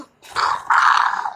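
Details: Mechanical insufflation-exsufflation (cough assist) given directly through a tracheostomy cannula to a patient with marked scoliosis, program 1, in series of 5, to clear secretions. Two strong rushes of airflow through the tubing are heard.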